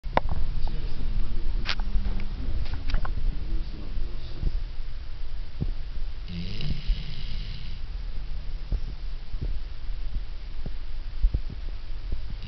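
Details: Sleeping dog with snoring described as louder than a human's: steady low rumbling breath noise with soft snorts under constant hum; snoring.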